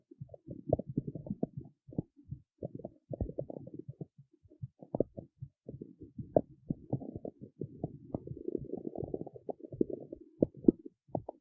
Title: stomach growling in the city